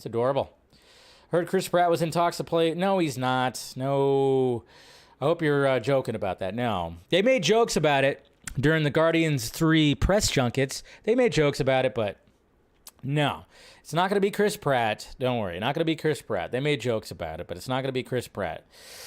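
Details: Adult man speaking; typical speech.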